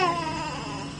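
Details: Newborn baby boy, asleep, feet tickled during an abnormal-newborn neurological exam of tone, reflexes and posture: brief, soft, thin cry that fades quickly; a weak cry, in keeping with lower muscle tone.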